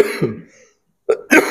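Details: Two short, harsh coughs with a throat-clearing quality, separated by a brief silence, from a preacher coughing during a Friday sermon and continuing despite pain; plain cough.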